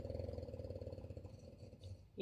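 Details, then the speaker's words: Loud snoring from a female dog sleeping in a window, heard during a household video. "i'm gonna go ahead and can you hear my dog she's snoring in a window"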